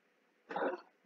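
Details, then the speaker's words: Old beagle hound coughing: a single brief, harsh cough burst in a quiet room. "bagel coughing up coughing coughing coughing tonight you hear that noise that's the old beagle hound he's in charge"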